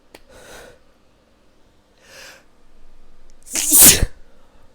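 Two breathy in-breaths, then one loud explosive sneeze.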